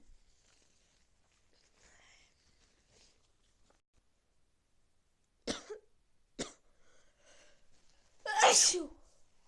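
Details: Three sharp, explosive sneezes after quiet breathing, the last the loudest; repeated sneezing with a cold.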